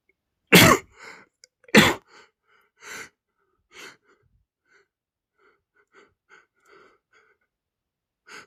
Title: male sneezing #46 (The dust on the old clothes made me sneeze)